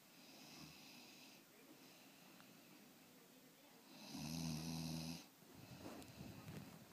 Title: Snoring beauty